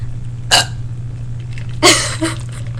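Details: Person trying to burp on purpose: two abrupt hiccup-like bursts over a steady low engine hum, with a faint third sound after.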